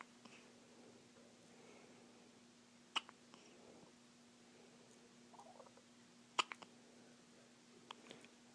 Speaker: Little chirpy hiccups. It's my baby girl. And she's got the hiccups.